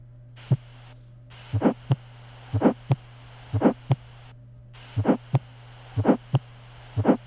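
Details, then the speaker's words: Child at a health supervision visit: regular heartbeat about 60/min with a grade 1/6 systolic low-pitched vibratory murmur, best at the left sternal border, quieter from supine to upright; innocent (Still's) murmur. "On physical examination, you heard one over six systolic low pitched vibratory murmur best heard on the left sternal border decreased in intensity when moving from supine to upright position."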